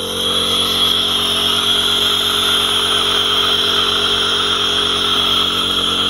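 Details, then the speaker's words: Compressor nebulizer running during inhalation treatment for a boy's persistent cough: steady motor drone with a loud airy hiss from the mask. "тебя какая-то хрень летит ребят Ну будет шуметь эта маска"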